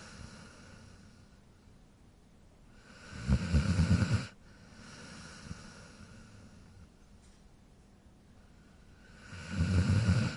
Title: Cute Dog Snore Sound